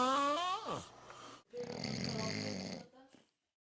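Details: Drawn-out voiced moan, then a long rough rattling breath and a softer trailing one; snoring-type noisy breathing.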